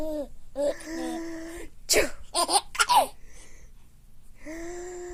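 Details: Sneezing: several sharp sneezes, each followed by an infant's delighted laughter.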